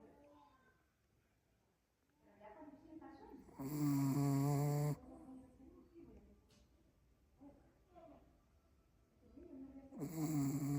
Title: The dog that snores